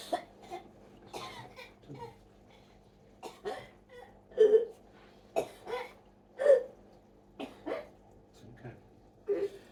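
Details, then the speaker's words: Adult woman with 22q and a tonic-clonic seizure after evening medications; SpO2 93%, heart rate 84, temperature 36.6. Repeated short, wet coughs and throat-clearing as she aspirates during the seizure. "There's an aspiration. Suck it in. There we go."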